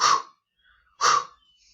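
Two short, harsh, breathy bursts voiced by a lecturer, imitating the rushing sound of an ejection heart murmur.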